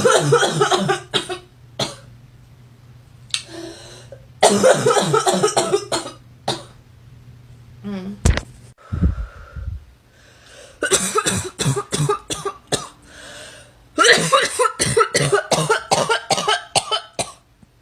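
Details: A girl's harsh, barking cough: rapid runs of many coughs strung together on a single breath, separated by pauses.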